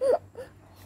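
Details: Baby crying after being scolded by mummy: a brief, high-pitched infant wail followed by a softer second whimpering cry.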